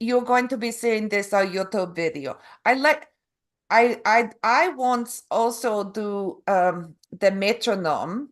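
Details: Adult Canadian woman with aphasia and apraxia of speech after a stroke in November 2023; foreign accent syndrome began after a further hospital episode in February, an accent she calls Eastern European; foreign accent syndrome with aphasia and apraxia of speech.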